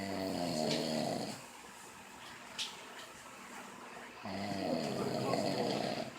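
Two long, rough, rumbling breaths in with a quiet pause between them: ordinary snoring during sleep.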